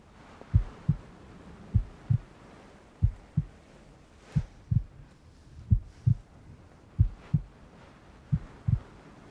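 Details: Heartbeat sound in a furry ASMR cuddle roleplay with rain ambience: steady paired low lub-dub thumps at about 65 beats a minute over soft rain hiss; normal heartbeat.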